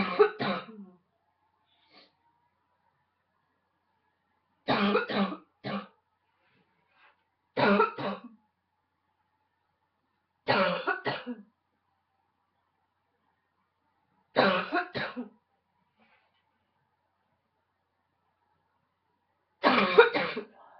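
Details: Six harsh, short barking coughs, some doubled, with silent pauses between them.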